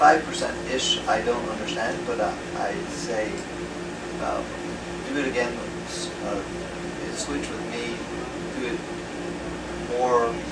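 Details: Male retired pediatrician with aphasia after a left-hemisphere stroke from a torn carotid artery in 2014; right-side paralysis recovered; his words are slowly returning with speech therapy; aphasia.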